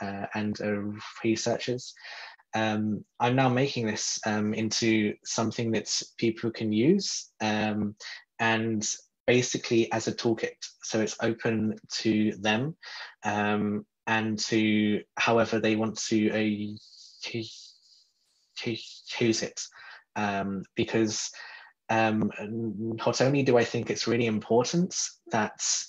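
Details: Stuttering in an adult man from the UK who describes himself as a person who stutters.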